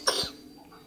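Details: A single short, sharp cough from an infant who is coughing but still playing with grandmother, in a quiet room.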